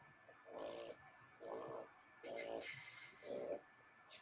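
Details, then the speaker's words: A pet dog snoring in the background of an online meeting, as the owner notes: snoring. "you can hear that that's my dog's snoring it's not me or james i promise"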